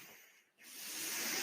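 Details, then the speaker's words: Podcaster's own mechanical ventilator in background: brief quiet pause, then steadily rising airy hiss of airflow as it delivers a breath; mechanical ventilator breath cycle. "hello everyone my name is that noise you're hearing is my ventilator and thank you for tuning in"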